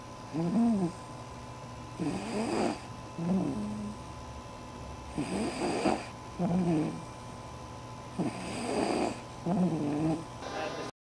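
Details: Snoring from a 9-week-old puppy: rhythmic, rattling, whistling sound with each breath at about 20 breaths a minute, with steady room hum behind.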